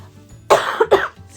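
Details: Adult woman with a cold coughs: cough.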